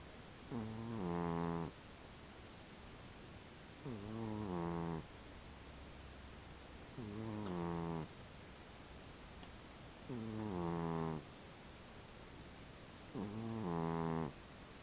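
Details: Five regular rattling snores from a sleeping pet cat, about 19 a minute, each breath audible in and out; ordinary snoring.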